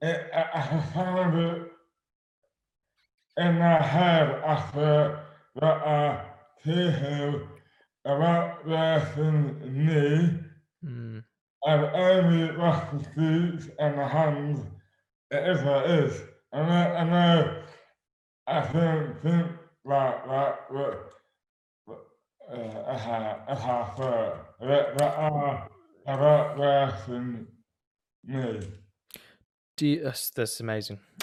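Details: Adult man with dystonia (oromandibular), slurred speech beginning suddenly overnight in 2008 without warning, speech dramatically impaired, hands also affected; dysarthria (oromandibular dystonia).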